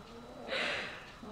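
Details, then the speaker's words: A small lap dog sleeping gives a single soft, breathy, light snore that rises and fades in a quiet room; snoring. "you hear Gigi snoring? Can he stop?"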